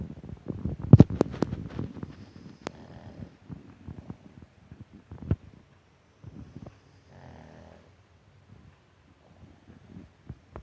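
Soft, low, irregular snuffling snores with a few sharp clicks and quiet pauses in a small room; light snoring during sleep.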